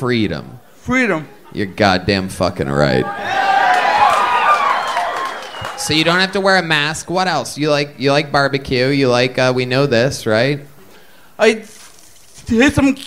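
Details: Adult man speaking to a live audience; typical speech.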